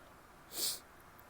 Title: wet sneezes, a couple false starts and stifles. also a nose blow (f)